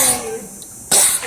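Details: Boy hams it up with a pretend coughing fit: a brief, exaggerated feigned cough with a sharp breathy burst.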